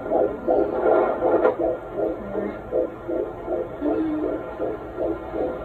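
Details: Rapid, rhythmic whooshing fetal heartbeat on Doppler, roughly 160 beats a minute, heard for the first time in pregnancy.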